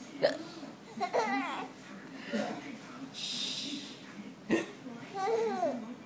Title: hiccup laughing out loud